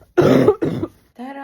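Two harsh, noisy cough bursts in quick succession, followed by the start of a voiced sound; an adult cough.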